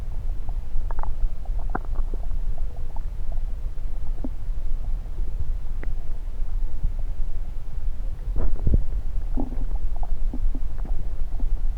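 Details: Stethoscope on various sites of the recorder's own belly: irregular gurgles and low rumbles over steady low background noise, ordinary bowel sounds of digestion.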